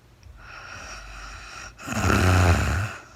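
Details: Real-time recording of a woman sleeping overnight after being very tired, no talking: a soft breath, then one loud, throaty snore on a breath in. Snoring.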